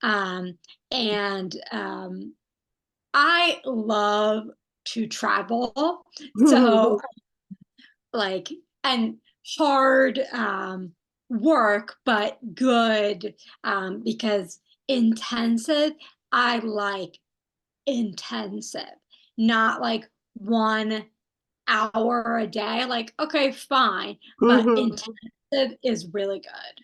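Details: Non-fluent aphasia in a woman who had a stroke at age 27, with arm and leg involvement; she is doing intensive stroke rehabilitation therapy.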